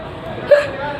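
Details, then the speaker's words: Hiccups from an adult woman who cannot stop hiccuping. "Engine कालचक्र में ऐसी मान्यता है कि अगर आपको हिचकी आती है तो कोई आपको या याद करता है"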